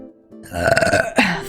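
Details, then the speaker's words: Vtuber's loud, long voiced burp rumbling about a second with a short second burst at the end, faint music; burping. "Oh my god. Rate that burp out of 10."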